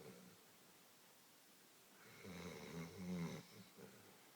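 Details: A sleeping dog snores after a walk: a low, rattling snore with a gurgly buzz rises in a quiet room and fades.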